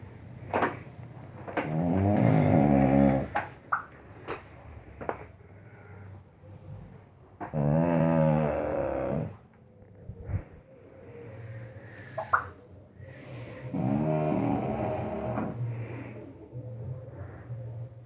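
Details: Pug snoring: three long, loud, rattling snores about six seconds apart with quieter breathing between, typical of a small flat-faced dog.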